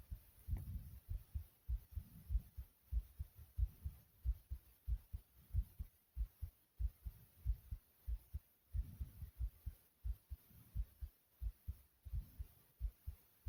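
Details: Exertional tachycardia after jumping jacks: fast, regular, thudding heartbeat with faint breathing swells.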